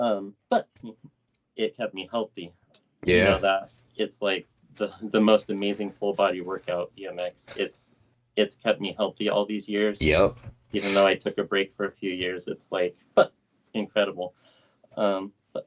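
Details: Adult man with lifelong Tourette syndrome that worsened in his 30s. Swearing and vulgar tics began around age 35, alongside humming, blinking and head shaking. Vocal tics with coprolalia (Tourette syndrome).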